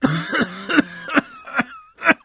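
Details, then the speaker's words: Recorded cough of an ill friend on day five of illness, fever 37.5 at onset, not sleeping; a run of about six short, harsh, heavy dry coughs, discussed as acute bronchitis. "Ну я думаю ты согласишься со мной это сухой кашель сухой тяжелый и я сочувствую твоему другу"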